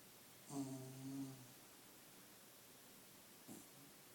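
Two low, rumbling, slightly tonal snoring breaths from a sleeping dog, separated by a quiet pause.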